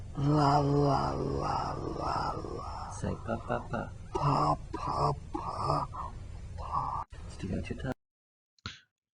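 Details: Male patient with a pseudobulbar (upper motor neuron) hypoglossal deficit, small slow tongue, harsh voice while trying to articulate 'la'; spastic dysarthria.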